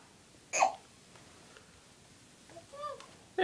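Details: A single sharp, high-pitched vocal catch, then a softer voiced sound in a quiet room, from a young girl who has hiccups and is told to drink: hiccup.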